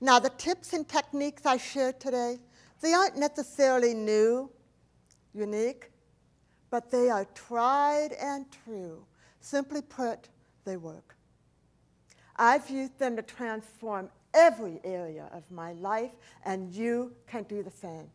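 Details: Adult woman, profoundly hearing impaired since age 4, when a 106-degree fever destroyed about two-thirds of her hearing; she does not hear S, CH or T sounds; speech impediment, not an accent: speech of a person with profound hearing loss (deaf speech)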